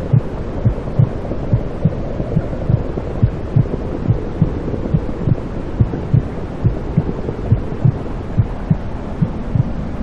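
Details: Soft regular thumps over a steady whooshing hum, like the mother's heartbeat and blood flow heard inside the womb, played to soothe a newborn; may be a recreated recording; intrauterine sounds.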